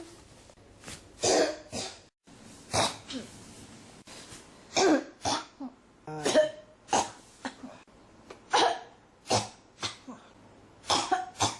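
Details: Adult coughing repeatedly, about a dozen short harsh coughs in quick succession with barely a pause; persistent cough.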